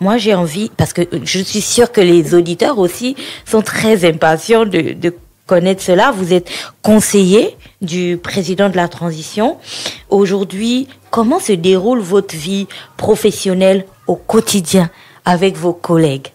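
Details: Adult woman; typical speech.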